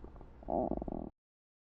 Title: Stomach Growling - Sound Effects (3/4)